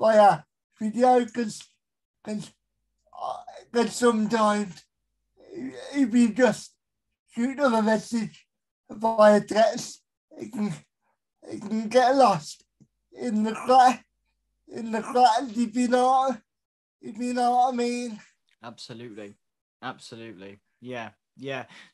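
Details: Dysarthria in an adult male with a severe type of cerebral palsy, real.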